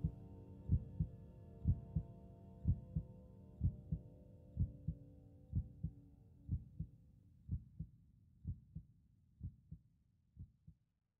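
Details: ASMR boyfriend roleplay, listener resting on chest: slow, steady lub-dub heartbeat, about 60 beats a minute, with soft music fading out under the opening beats.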